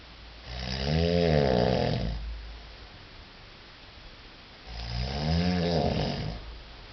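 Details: Man snoring at night while travelling with companions: two loud, rattling snores on slow inhalations with quiet pauses between; snoring.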